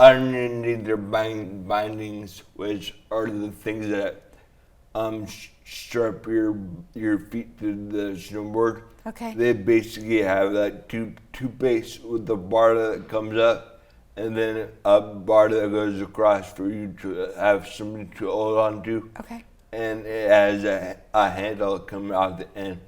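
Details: Man with dysarthria (slurred speech) after a traumatic brain injury from a snowboarding crash into a tree; damage around the brainstem and cerebellum; 1.5-month coma, then therapy to relearn talking, walking and swallowing; walks with a walker.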